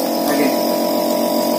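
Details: Medical suction pump demonstration: steady motor hum with a constant buzzing drone as the pump runs continuously.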